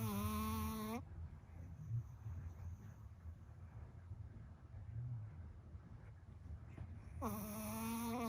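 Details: Male Shih Tzu, almost 2 years old and 9 lb, snoring loudly while napping with an inflatable pillow collar around his neck to stop him licking a tick bite. Low rumbling snoring with a steady whistling hum at the start and end.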